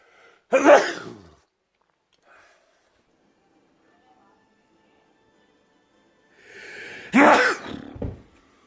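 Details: Two loud, explosive sneezes several seconds apart, each a sharp burst of noise that quickly fades; person sneezing.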